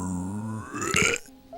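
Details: A steady tone fades, then one brief raspy belch follows; a single burp from a burp compilation.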